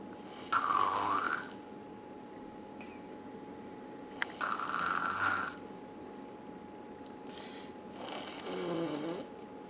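Rough, rattling noises recur with the breaths during sleep, three of them in about ten seconds, in a quiet room: snoring.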